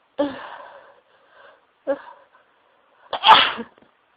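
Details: Sneezing fit after dusting: loud sneezes, some stifled and muffled into tissues, then nose blowing near the end; here three sneezes in quick succession, each a sharp burst after a short in-breath.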